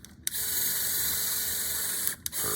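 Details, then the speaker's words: Powered surgical drill in lateral ankle ligament repair (ATFL and CFL with internal brace): a steady high-pitched hiss and whir for about two seconds. It is boring a tunnel straight up the shaft of the distal lateral malleolus where the CFL and ATFL meet. "So we're typically drilling four tunnels here. First is going to be in the distal portion of the lateral mulus where both the CFL and the ATFL kind of meet."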